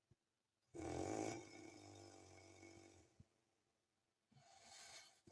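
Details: Real recording of the uploader's own snoring during sleep: a loud, rough, rattling snore on the in-breath, then a long fading snore, and a second snore starting after a quiet pause.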